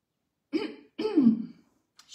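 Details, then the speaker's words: Adult woman gives two harsh throat-clearing bursts with a voiced rasp during a live cooking demonstration; she says her voice is hoarse and she has a frog in her throat: throat clearing. "Excusez-moi, je suis vraiment désolée. Je sais pas pourquoi j'ai la voix cassée et j'ai un chat dans la gorge."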